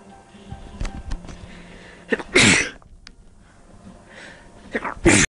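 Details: Two sharp, explosive sneezes, each preceded by quick catching inhalations, deliberately induced by tickling inside a nostril with string; ordinary sneezing.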